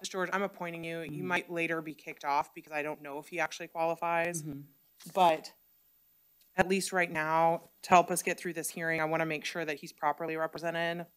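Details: Adult speaker; typical speech.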